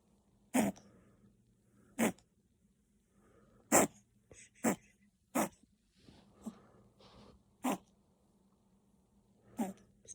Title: Chihuahua Puppy reverse sneezing from kennel cough